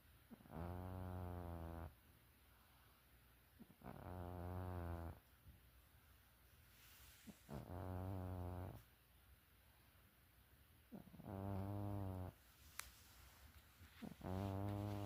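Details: A sleeping cat snoring: loud, rhythmic, rattling snores on each breath, about 18 breaths a minute, with quiet pauses between them.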